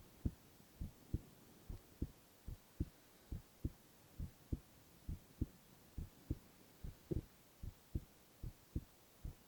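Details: Male ASMR recording of heart sounds alone, without speech: steady lub-dub heartbeat at about 70 beats a minute over a faint steady hiss; normal heart sounds.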